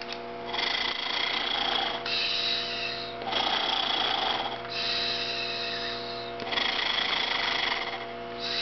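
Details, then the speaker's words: 10-year-old girl with cystic fibrosis using an Acapella oscillating PEP device, varying long slow blows and quick bursts: repeated rattling, buzzing exhalations of one to two seconds each to loosen mucus. "what is doing is she's varying the way she blows into the device so she does some long blows and slow and then she'll do some quick bursts"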